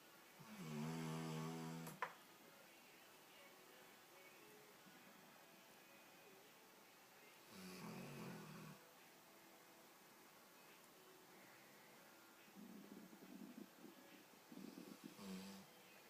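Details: A sleeping yellow English Labrador snores in low, rumbling bursts separated by quiet stretches, in a quiet room.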